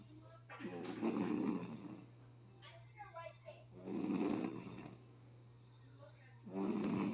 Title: snoring July 17th 2023